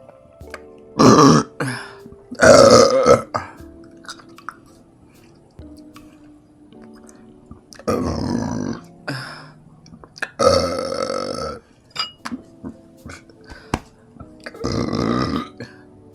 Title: End of meal huge vibrating burps and hiccups combo for 35 secs #burps #hiccups #hiccupburp #tbkburps